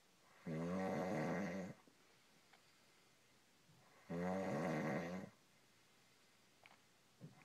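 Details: Adult man (husband) snoring in sleep: two loud, rattling snores on breathing in, with quiet pauses between, at roughly 15 to 17 breaths a minute.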